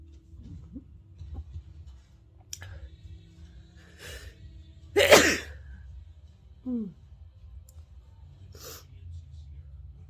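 A sudden explosive sneeze stands out against quiet room noise, followed by a brief voiced sound and breath.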